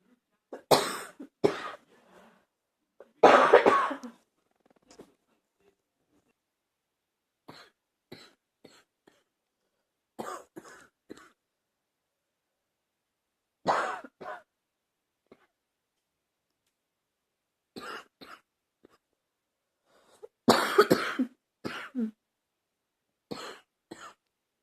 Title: # 66 **candid coughing ** allergy flare up